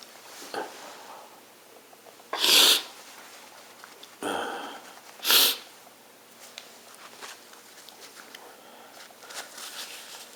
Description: Request. I induce sneeze and blow my nose not honking.